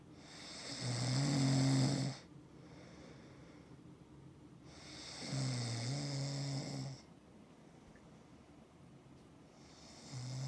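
Two to three long, rough, buzzing breaths about 4 seconds apart, about 13 a minute, with quiet gaps; snoring from throat vibration during sleep.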